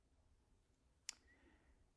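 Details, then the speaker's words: Jaw exam by a chiropractor: a female patient's jaw deviates to the left on opening, and a single sharp click is heard as the upper jawbone pops over on the right side; temporomandibular joint click. "what I feel on the right side is the upper part of the Jawbone just kind of popping over and out on this side"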